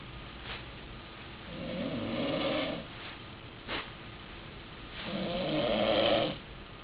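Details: Adult snoring that has grown louder than before: slow, rough, rattling snores on each breath, about 18 per minute, over a steady background hiss.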